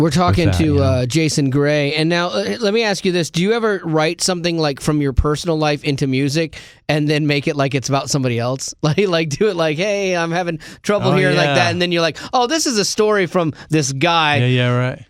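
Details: Adult male speaker; normal speech.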